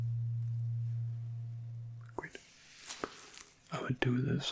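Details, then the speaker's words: Simulated ASMR full-body checkup by a male nurse role-play: hearing test with a struck tuning fork, steady low hum fading over about two seconds, then soft whispered speech asking the listener to say when it stops. "Now we need to test the hearing. Actually, I have this device. I will just tap it on it. Then you will hear something like this."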